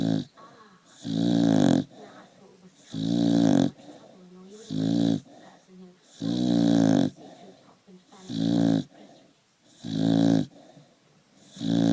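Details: Staffy dog snoring: loud, buzzing snores on each breath in, about 36 breaths a minute, with softer snuffling between them.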